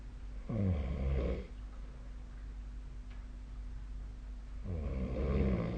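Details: Snoring during sleep recorded 2025/04/02 with a snore-tracking app: two low, rattling snores about four seconds apart, with quiet room hum between them.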